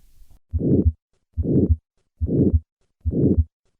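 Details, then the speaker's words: Patient with combined aortic stenosis and aortic regurgitation, regular rhythm about 71 a minute: the rough systolic murmur is heard first, then the diastolic regurgitant component is added, filling the cardiac cycle. "listen to a patient with combined aortic stenosis and regurgitation i will begin with the systolic murmur and then add the diastolic component"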